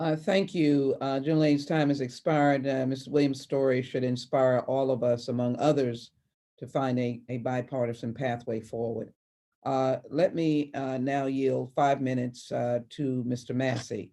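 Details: Adult speaker; normal speech.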